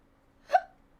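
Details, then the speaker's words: Hiccup from a person who is also burping repeatedly: a single sharp, voiced hiccup against a quiet room. "And like, I'm burping still. I just hiccup burped."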